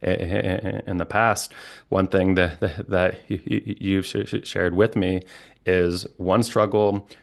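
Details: Adult man, a licensed speech-language pathologist who stutters, with repetitions and blocks; stuttering.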